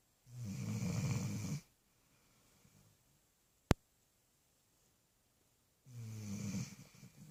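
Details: Two low, rattling snores from a sleeping puppy having dreams, each about a second and a half, with a quiet pause and a brief click between them.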